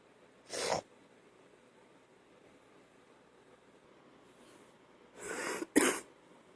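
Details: Person coughing up phlegm again: three short, harsh cough bursts in a quiet room, a wet, phlegm-clearing productive cough.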